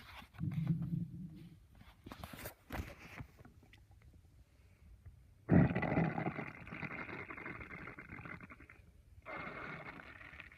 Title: My stomach growling in a library